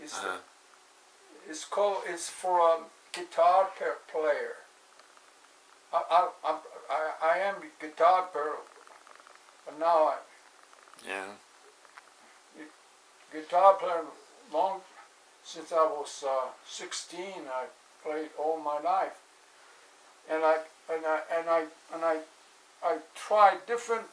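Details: Adult with aphasia after a stroke on 5-3-2007, recorded in 2016; aphasia.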